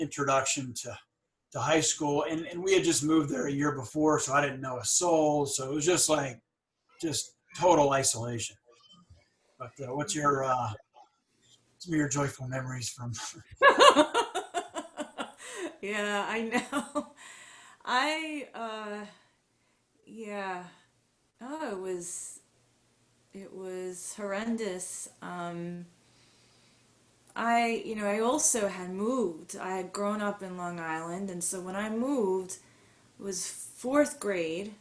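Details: Adult woman who stutters, recalling high school speeches; stuttering.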